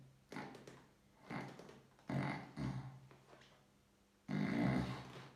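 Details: Voluntary snoring test: five short, soft, low fluttering snore-like sounds imitated on purpose with the mouth closed, a vacuum activator oral device in place and the mandible protruded forward; snoring reduced with mandibular advancement.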